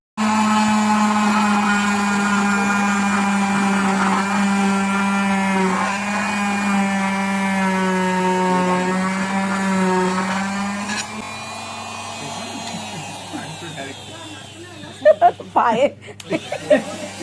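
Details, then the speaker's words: Steady loud motor drone of a cast saw cutting a modern plaster leg cast off a female patient, fading with brief clatter at the end; she reports the saw slightly scraping her skin, causing pain. "ते machine स्किनसाठी घातक नव्हतं पण तरीसुद्धा ते machine पायाला लागून लागून स्किन माझी थोडीशी सोलवटत होती आणि त्याच्यामुळे मला थोड्या वेदना होत होत्या."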